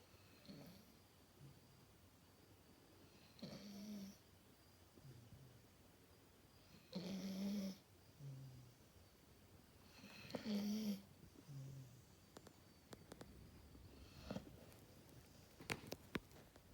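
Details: Sleeping dog: soft snores about 18 a minute, each a buzzing in-breath followed by a lower out-breath; snoring.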